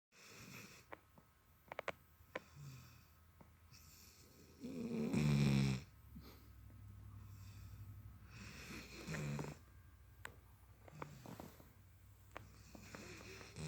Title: Kovu 🐶 snores like a grown man